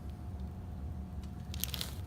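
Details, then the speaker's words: Female patient with tension headaches receiving a chiropractic neck adjustment: a brief cluster of sharp pops over low room rumble as gas is pushed out of the joint pocket; joint cavitation (neck crack), nothing actually cracking. "naturally when I go to put it back in place the friction pushes the gas out of the pocket and it creates an audible so nothing is actually cracking"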